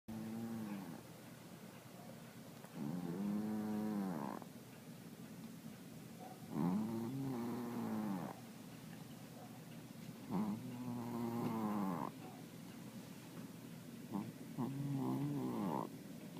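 Slow, regular, voiced snores with a rumbling buzz, about four breaths in fifteen seconds, typical snoring.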